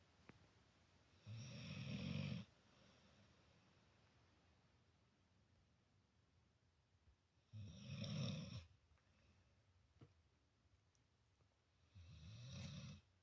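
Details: Dog ("Potato Dog") snoring while sleeping next to a cat; three loud rumbling snores about a second long, roughly six seconds apart (about 10 per minute), quiet between.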